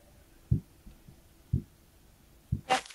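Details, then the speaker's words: Heart sounds heard through a stethoscope during a biology class practical on heartbeats and blood pressure: regular low thumps about one a second, with a brief rustle at the end. "a stethoscope excellent as you as you hear now the sound of the heart can you hear it can you hear it"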